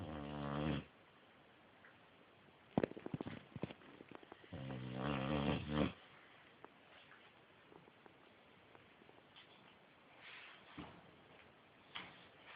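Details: Boxer dog asleep, recorded on an Android phone: loud, rumbling snores followed by snuffling and smacking noises, then softer breathing; snoring.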